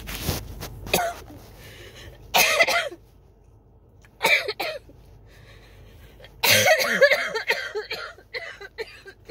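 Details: Coughing fit that began with a tickle in the throat, recorded in a car: repeated harsh cough bursts in clusters with gasping breaths and faint rustling, with chest patting, drinking water and inhaler use that did not stop it.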